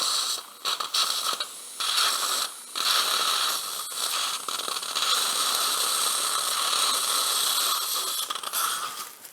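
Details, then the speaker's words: Dental implant drilling in lower full-mouth implant surgery with immediate loading in a middle-aged man: a sustained high-pitched grinding whine with brief dips as the osteotomy is widened. "next there 3.5 I think the final drill 4.0 because I enr the hole for the position"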